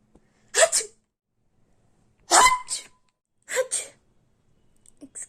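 Three separate explosive sneezes in about five seconds, each a sharp noisy burst with a quick follow-through.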